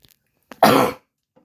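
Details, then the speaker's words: A brief catch of breath, then one sharp, loud voiced burst: a single adult sneeze. "yes and you just heard my uh videographer sneeze and in a moment you may hear the cat meow"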